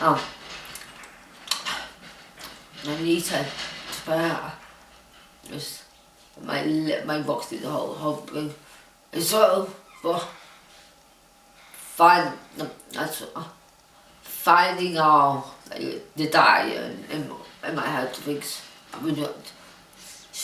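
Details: Dysarthria in an adult woman diagnosed with Huntington's disease who now lives in a supportive care home.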